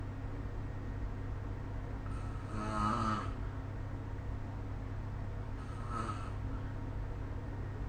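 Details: Snoring recorded with a smartphone snore-recording app: two rattling snores on breaths about three and a half seconds apart, over a steady low room hum.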